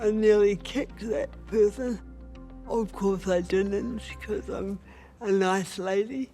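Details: Adult woman with cerebral palsy, a Paralympic boccia player, who considers her voice a real barrier to being respected; dysarthria due to cerebral palsy.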